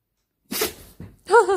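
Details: Dog sneezing: a sharp, hissing burst followed by a short puff, then a brief vocal squeak.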